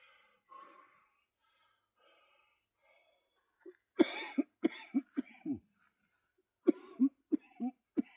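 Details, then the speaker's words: Productive cough in cystic fibrosis during a chest workout doing dips: two runs of about eleven harsh, fairly loose coughs; the speaker feels mucus in the upper lungs and is wheezing. "Yeah, the mucus is like in my upper lungs. I can hear it cuz I'm wheezing now. It's in my upper lungs."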